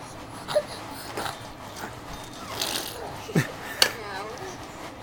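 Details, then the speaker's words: Several short, snorting nasal bursts scattered over a few seconds against faint room noise, from an excited animal named Rocco at his blanket; odd sneeze-like noise described as fake sneezing. "He's like fake sneezing it off. It's like such a weird noise. I've never heard that before."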